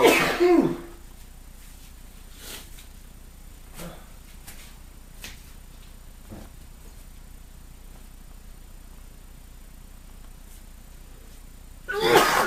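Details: Man with hay fever after being outside in pollen: a loud sneeze, faint sniffs in a quiet room, then another sneeze starting, part of about half an hour of repeated allergic sneezing.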